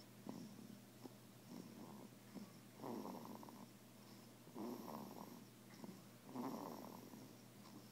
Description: Baby is snoring